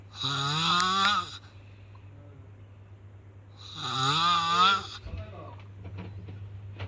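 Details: Person snoring badly during sleep: two loud, rough, buzzing snores on breathing in, separated by quiet breathing out, over a steady room hum.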